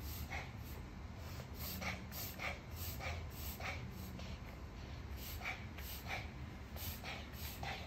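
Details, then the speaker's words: A small female dog gives repeated harsh, snorting, honking coughs in a quiet room, recorded for the vet, who confirmed kennel cough. "hat we took to show to the vet while she was coughing, and the vet told us that yes, this is the kennel cough."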